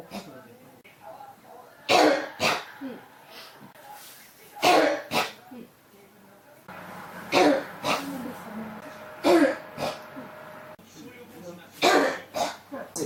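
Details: Persistent cough that won't stop in an adult: repeated short pairs of cough bursts, about ten coughs in thirteen seconds, without settling.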